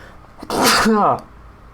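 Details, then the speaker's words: Single adult sneeze mid-speech, warned beforehand: brief catch of breath, then a loud explosive burst fading with a voiced tail; sneeze. "oh excuse me bless me thank you for everyone who commented like bless you"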